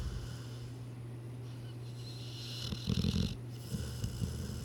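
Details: Sleeping dog snoring, possibly dreaming as the owner wonders: low, steady rumbling breath followed by a louder snorting snore.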